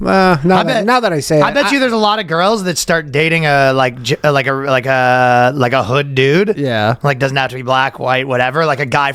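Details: Adult male speaker; typical speech.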